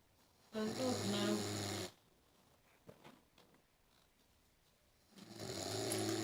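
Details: Snoring: two long, loud, rattling snores on breathing in, with a quiet pause between them.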